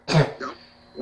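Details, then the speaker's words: A child with habit cough gives a single harsh, throat-clearing cough during Dr. Weinberger's cough-suppression procedure, after holding back coughs for over three minutes. "you cough once try not to let it happen again try and hold it back because that causes more irritation and makes you cough more"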